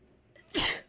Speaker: Oh my goodness, I'm going to sneeze again.